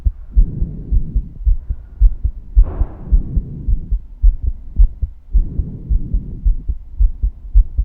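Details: Female's steady, regular low thumping heartbeat at about 110 beats a minute, with brief rustling noise.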